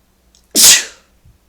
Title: Sneeze II